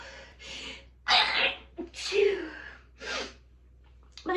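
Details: Stifled sneezes, each preceded by a quick catching inhale, in a quiet room; the sneezer says the sneezes woke her partner; sneezing.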